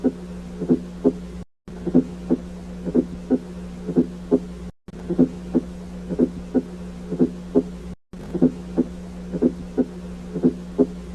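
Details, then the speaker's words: S4 gallop: a late diastolic, low-intensity extra sound just before S1, produced by active atrial contraction filling a less compliant ventricle; absent in atrial fibrillation; associated with hypertension, pulmonary stenosis, ischemic heart disease, ventricular aneurysm. "S4 é uma bolha diastólica tardia que corresponde ao enchimento ventricular tardio por meio da contração atrial Ativa é um som de baixa intensidade"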